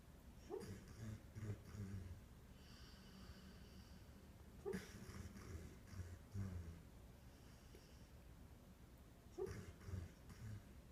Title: Our dog Tricksy dreaming, hiccuping, snoring